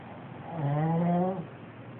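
A single low, buzzing, tonal snore lasting under a second, rising then holding steady against quiet room noise: snoring.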